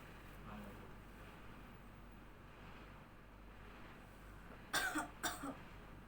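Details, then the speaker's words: An adult woman, guided by a nurse, performs an effective cough exercise: she holds her breath, then gives two deliberate short coughs after quiet breathing, an acted airway-clearance technique. "Baik Ibu, selanjutnya tahan nafas Bu dari hidung, lalu tutup mulutnya, situ keluarkan, batukan 2 kali, terus 3 kali sampai 4 kali berturut-turut Bu."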